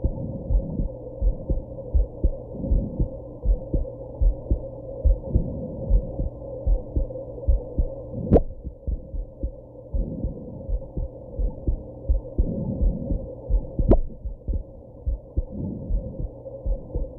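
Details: Heartbeat with hiccups after smoking and drinking a little at a birthday: steady heart thumps over a humming background, broken twice by sharp, sudden hiccup jolts.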